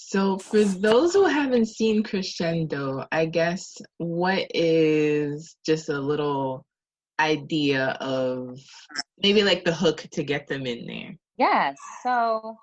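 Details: Adult speaker; normal conversational speech.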